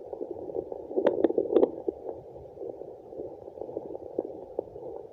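Muffled, rushing whoosh with soft pulsing and a few clicks, typical of placental blood flow on Doppler.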